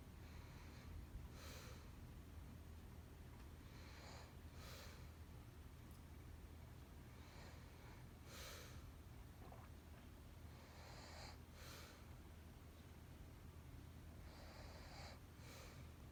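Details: Girlfriend recorded asleep, though said not to snore; soft, breathy snorting breaths about every three seconds under a low rumble of room noise; light snoring during sleep.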